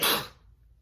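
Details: Single short, hissing sneeze burst that fades quickly, from a woman deliberately performing messy sneezes for a requested video; ordinary sneeze.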